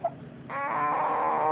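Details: A short sound, then a sustained tonal wail holding steady for about a second, heard during a recording made to document someone's snoring; crying.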